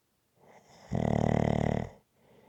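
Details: ASMR snoring recording: a single loud, fluttering snore on the in-breath, about one second long, with quiet breathing before and after.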